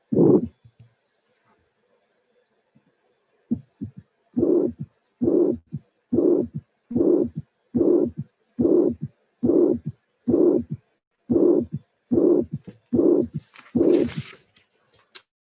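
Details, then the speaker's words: Mitral regurgitation played right after aortic stenosis for comparison: regular heartbeat about 70 a minute with a soft murmur filling systole. "And the second one was mitral regurgitation, systolic and soft."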